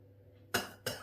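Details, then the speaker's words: Cough from a person whose cough has not cleared for three months, in a comedy skit. "मेरी तीन महीने से खासी ठीक नहीं हो रही और तू मेरी खांसी को अंग्रेजी बीट समझ के डांस किए जा रही है"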